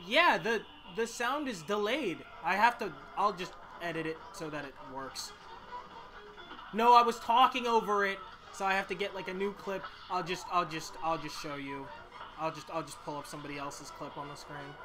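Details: Stuttering in someone narrating their own video game playthrough, who says their stutter keeps them from reading the story text aloud right now.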